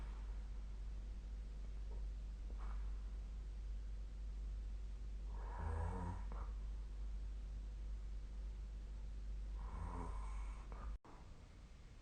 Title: 🐽 本日のイビキ / Snoring Sleep Sound 2025/02/04